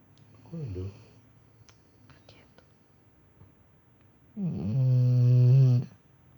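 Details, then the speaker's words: Sleeping female dog, called chubby by owner, snoring: a short rough breath, then a long, loud, buzzing one with a steady low tone. "Acordou? Tá roncando, filho da mãe, tá roncando."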